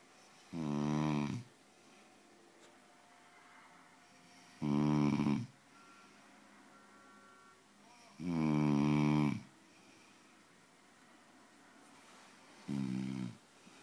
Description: Hubby snoring so loud!